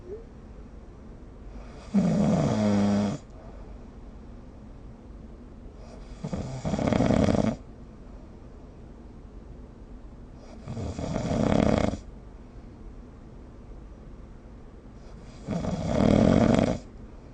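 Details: Snoring recorded with the SnoreLab app: four loud rattling snores on in-breaths, about 14 breaths a minute, with quiet pauses between.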